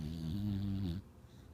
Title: Snoring dreaming dog